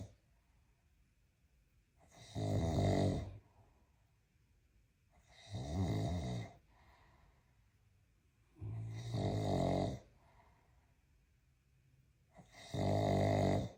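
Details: Giant Mastiff dog with mega loud snoring: loud, rattling snores on each in-breath, about 17 a minute, with quiet pauses between. Snoring.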